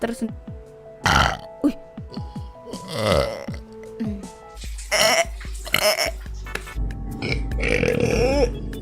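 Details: A burp compilation from a VTuber stream with Indonesian speech: a run of loud, drawn-out burps with short voiced sounds between them, over background music.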